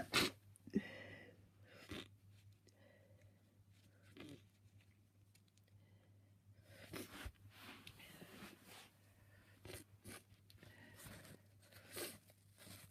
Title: Bless me. Soo much sneezing, some attempted stifles at the end because my sneezes are so messy at t